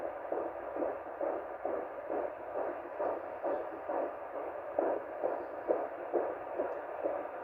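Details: Rapid regular whooshing pulses, about 135 a minute, a fetal heartbeat picked up by Doppler during a pregnancy.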